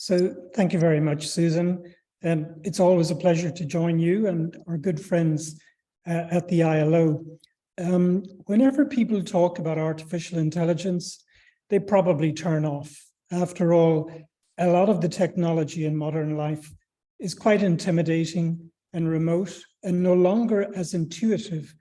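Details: Adult speaker; ordinary speech.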